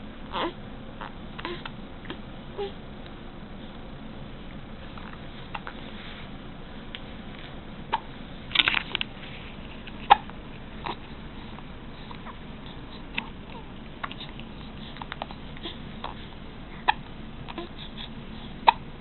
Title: hiccups (3 1/2 months)